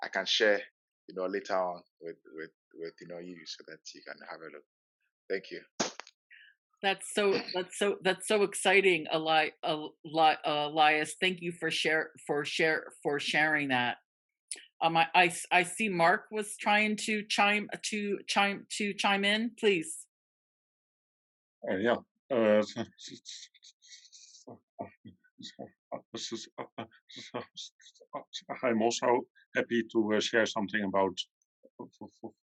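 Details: Adult man from the Netherlands who stutters, at times a lot, and still finds his stutter hard to accept; long pauses between words suggest blocks; stuttering.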